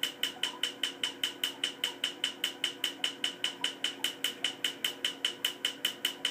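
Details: Steady, sharp snapping pulses, about 150 a minute, from a laser firing during tattoo removal; laser tattoo removal pulses.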